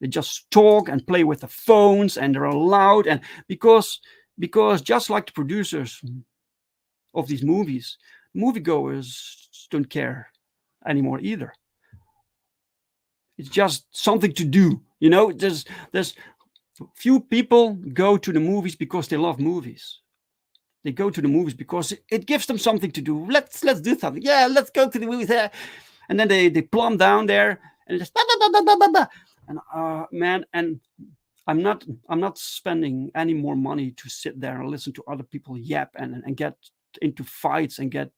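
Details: Adult who stutters, speaking live in a solo stream; stuttering.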